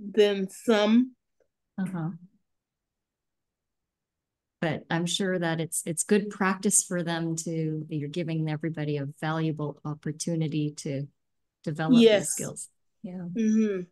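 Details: Adult woman with aphasia, a member of an aphasia centre; aphasia.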